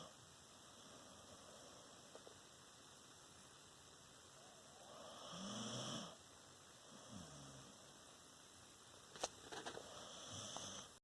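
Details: A sleeping puppy, tired after begging for food, snores quietly: a soft, low rumbling breath, then a fainter second one, with a few light clicks against faint room hiss.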